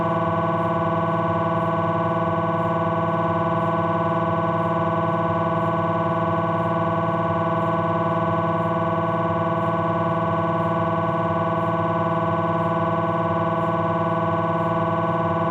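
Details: MRI scanner noise from a Philips 1.5T abdominal scan: steady, loud buzzing drone with rapid regular pulsing.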